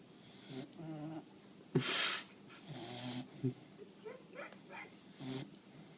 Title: Boomer snoring part 2